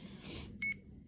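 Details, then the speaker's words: CADD Legacy infusion pump running IV Remodulin: a short, high electronic beep over quiet room noise as the stop key is pressed and held for three dashes to stop the pump. "now to stop it i just want to show you this on this pump you're gonna press and hold the stop key for three dashes"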